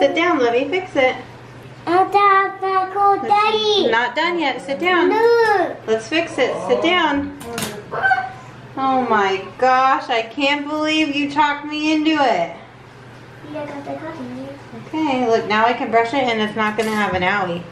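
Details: Adult woman, with a young child nearby; plain speech.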